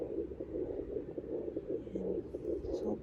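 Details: Handheld fetal Doppler at 12 weeks pregnant; soft whooshing pulses at about 77 a minute, the mother's own heartbeat, slower than the expected 120–180 fetal rate.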